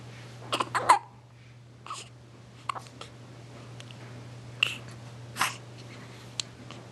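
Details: An infant with ordinary hiccups, recorded 15 February 2009: short, abrupt hiccup sounds and soft breaths over a steady low hum.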